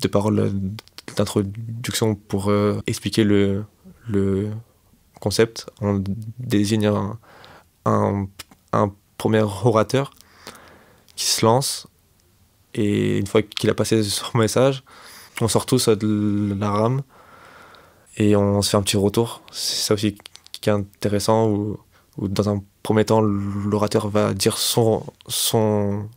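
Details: 25-year-old man who has stuttered since age 4, self-described as fairly severe, worse with stress, fatigue and in front of others; stuttering.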